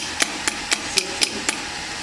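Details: S18 shockwave physiotherapy device delivering pulses to a painful point on the shoulder during treatment: steady, sharp tapping clicks at about four a second over a constant hiss.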